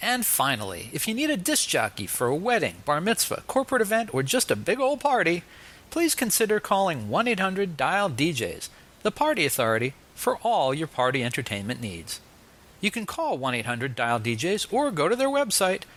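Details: Adult male host; typical speech.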